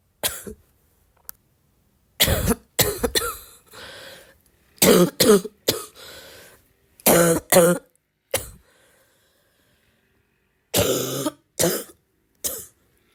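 Repeated harsh coughs in short bouts, some with a loose, rattly quality and throat clearing, fitting a wet, productive cough.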